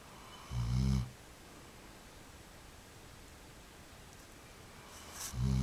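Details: Two deep, rumbling snores about five seconds apart with quiet breathing between them; ordinary snoring.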